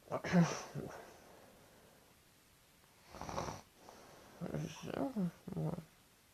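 Loud, rough, irregular snoring bursts separated by quiet pauses.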